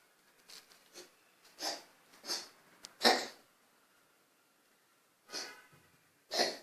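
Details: Kiddo, an animal with asthma, coughing: several short, harsh, hissing expulsive bursts with sniffs between the fits.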